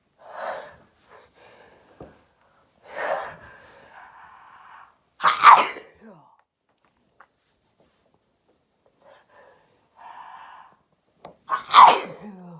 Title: Sneezing 6